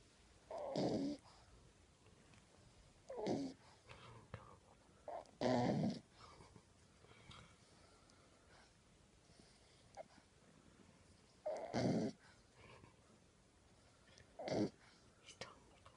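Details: A 10-week-old French Bulldog puppy asleep with its tongue sticking out and wiggling. Short, rough, noisy snoring breaths recur every few seconds in a quiet room: ordinary puppy snoring.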